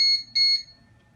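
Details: Two short high-pitched electronic beeps from a heated humidifier alarm during neonatal high-flow nasal cannula setup; the heater was just switched on and the temperature probes were not yet connected.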